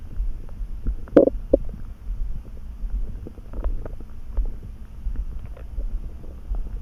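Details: Sudden stomach rumbling in someone neither hungry nor too full, felt in the pit of the gut and easing after a snack: borborygmi (stomach rumbling).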